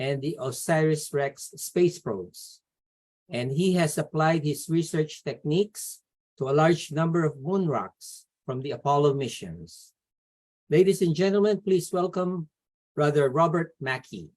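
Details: Adult speaker; typical voice.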